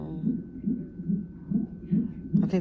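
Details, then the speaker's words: At 34 weeks' pregnancy, in labor and delivery triage after sharp pain and pressure, rapid regular whooshing thumps about 140 a minute over a faint steady monitor tone: fetal heartbeat on a fetal monitor. "I just had a very very sharp pain look at hear the heartbeat they got me on the [Music] monitor"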